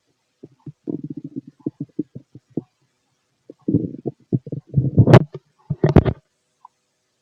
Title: Fit male stomach growls